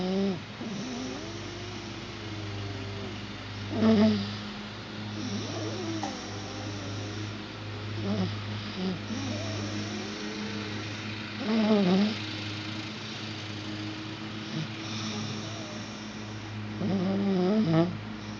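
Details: Almost 5-year-old child with laryngomalacia, asleep: noisy, pitched, squeaky inspiratory stridor with sleep-disordered, obstructed breathing.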